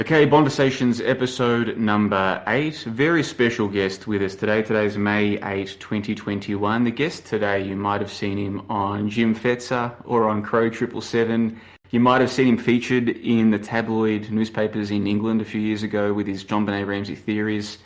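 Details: Adult male speaker; typical speech.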